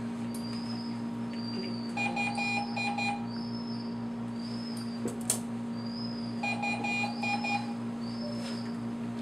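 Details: Repeating bursts of electronic alarm tones over a steady equipment hum: medical monitor alarm during a veterinary practical session.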